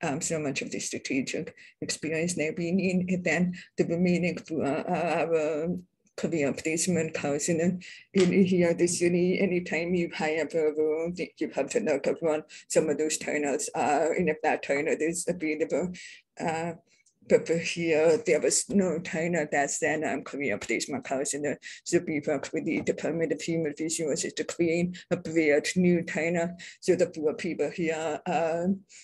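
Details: Adult deaf speaker, self-identified as a deaf person with a deaf accent, speaking at a public presentation; deaf speech (deaf accent).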